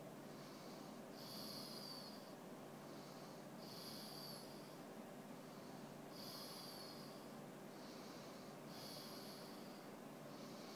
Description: Dex trying to sleep, he snores whether his eyes are open or closed